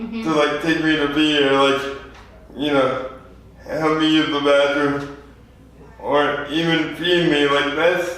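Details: 24-year-old man with lifelong spastic quadriplegic cerebral palsy after premature birth at 2 lb 4 oz; dysarthria (spastic, cerebral palsy).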